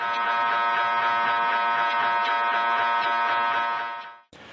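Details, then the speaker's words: MRI scanner running during a scan: a loud, steady buzzing drone pulsing about four times a second, the rapid knocking of gradient coil switching. "so we can hear the scanner as it is going and you hear diseases that's a typical sound of an MRI experiment under progress"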